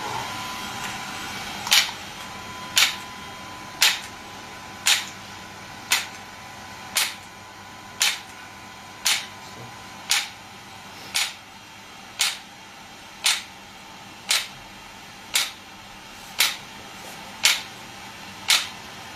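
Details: Shockwave therapy device firing sharp, regular snapping clicks, about 57 a minute, over a quiet room hum, during a treatment session.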